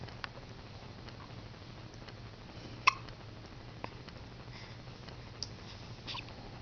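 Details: Hiccups in a girl who usually gets them after brushing her teeth: a few sharp, brief catches about a second apart in a quiet room, the clearest near the middle.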